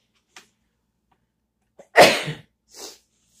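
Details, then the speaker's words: A single sharp, explosive sneeze from an adult, with a faint sniff before and a brief breath after; the speaker apologizes for sneezing and for his voice. "I'm sorry about my sneezing I'm sorry about my voice"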